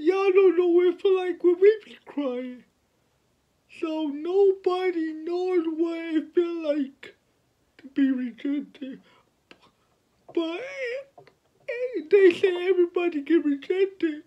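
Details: 29-year-old man with cerebral palsy from birth, born at five months (premature), speaking about his own life; dysarthric speech in cerebral palsy.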